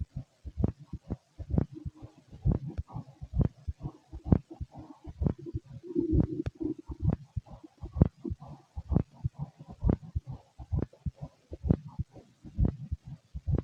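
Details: Stethoscope recording of a fit adult male: repeated low heartbeat thumps mixed with scratchy handling noise and digestive rumbling: normal heart sounds.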